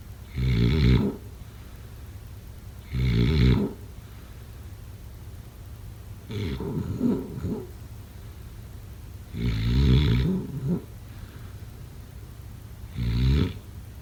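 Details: Heavy snoring: loud, rough, rattling snores recurring every few seconds, five in 14 seconds, with quiet pauses between.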